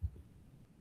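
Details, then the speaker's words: A sharp low opening snap followed by a soft, low-pitched diastolic rumble, with presystolic accentuation described: mitral stenosis diastolic rumble with opening snap, teaching example. "Entonces, en una en una este en estenosis mitral, ¿okay? en una estenosis mitral, eh, vamos a tener un retumbo. ¿Okay? Acá el rólido diastólico, el ruido diastólico, eh, se va a dar primero con un chasquido,"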